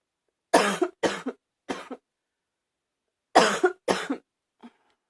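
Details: Five harsh, abrupt coughs in runs of three and two, then a faint final one, slightly barky: a little barking cough.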